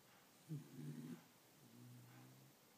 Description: My pet Whopper snores like a human